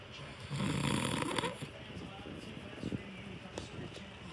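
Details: Father snoring during sleep: a loud, rough, fluttering breath sound followed by a quieter stretch of breathing; snoring.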